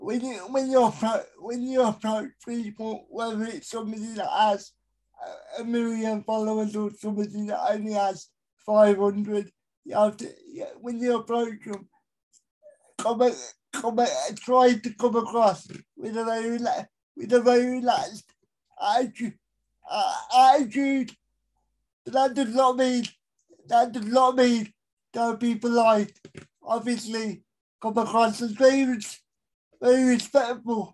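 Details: Dysarthria in an adult male with a severe type of cerebral palsy, real.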